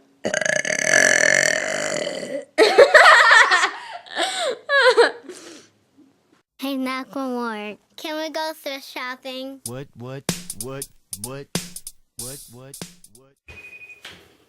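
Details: Several long, loud, voiced belches, some shaped into word-like sounds, followed by a run of short croaking burps; deliberate burping.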